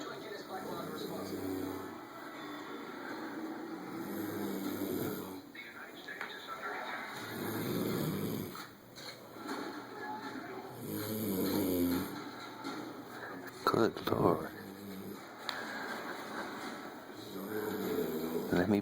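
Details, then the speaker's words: Loud, rough snoring from a sleeping adult woman in a living room, long rattling bursts likened to an airplane taking off, steady room noise behind. "me back away slowly my God no wonder I can't sleep it sounds like a airplane taken off of my apartment"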